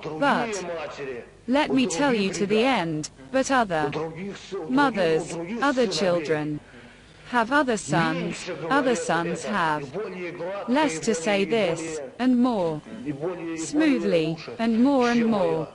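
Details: Hospitalised adult man with debility (mild mental retardation), presented with speech pathology; perseverative speech with fillers, hesitations and repeated words.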